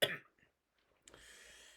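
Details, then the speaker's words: A single sharp cough from an adult with a sore throat, followed by quiet room noise and a faint breath. "So I've got a bit of a sore throat today, so you'll hear me cough a lot."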